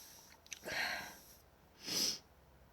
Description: So this was from my nasty cold i had. I still have it but I'm mostly over it. These were just odd sneezes.